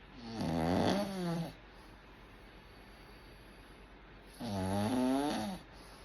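Two long, buzzing snores on the in-breath with quiet pauses between; ordinary snoring.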